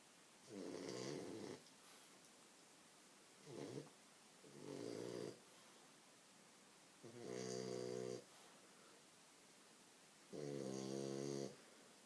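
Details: French bulldog sleeping on owner's legs: repeated snorting, buzzing snores about every two to three seconds in a quiet room.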